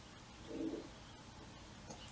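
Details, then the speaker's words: Stomach growling (borborygmi) in a person who has not eaten yet today: a brief, soft, low gurgling rumble that rises over quiet room noise and fades. "you hear my stomach growling gosh I hope not because it is I haven't eaten yet today"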